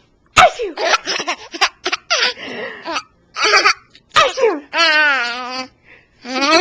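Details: Sneezing near a 9-month-old child: several short sneeze-like bursts mixed with the child's giggling and laughter; recorded with a Flip Video camcorder.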